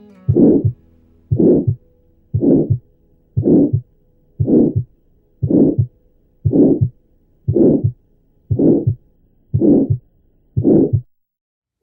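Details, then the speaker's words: Pediatric tetralogy of Fallot with moderate (usually infundibular) pulmonary stenosis: loud, harsh systolic murmur at about 58 beats a minute, best heard at the left third or fourth intercostal space. "En la estenosis moderada, el soplo puede ser intenso, tal como podéis escuchar."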